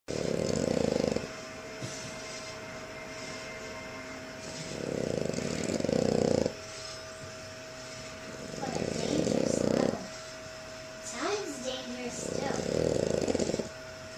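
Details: Recorded with a Flip Video camcorder: four slow, rough, rumbling breaths about 4 seconds apart, about 15 per minute, with a steady background hum; snoring.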